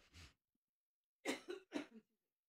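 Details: A woman during a Howard Stern interview: faint breath, pause, then two sharp dry coughs in quick succession in a quiet room, part of a coughing fit.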